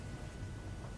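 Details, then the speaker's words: Steady low motor hum with a faint thin whine as the blower motor of a Fisher & Paykel Airvo 2 high-flow humidifier starts running after its self-check, set up for tracheostomy humidity. "You'll hear the blower motor start to go. It'll start to heat up at that point at whatever the last settings were that were put into the unit."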